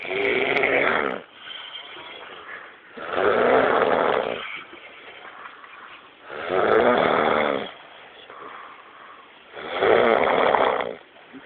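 Loud, rough, rattling snores on each breath, about 19 a minute, with quieter breathing between them.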